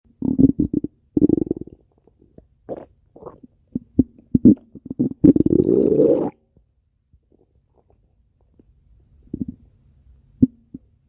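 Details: Stomach growling (borborygmi).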